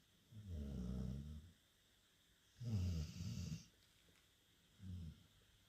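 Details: Sleeping dog snoring: low, rumbling, fluttery snores with quiet pauses, about three in six seconds.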